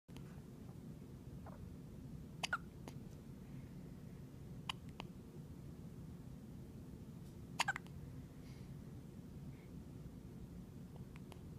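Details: Hiccups at 2 days old: soft, sharp, isolated clicks, roughly a dozen a minute, over steady room hum.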